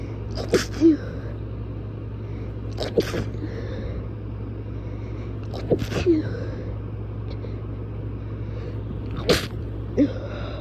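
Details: Four forceful sneezes, each a sharp burst, over a steady low background rumble, followed afterward by a nosebleed; sneezing.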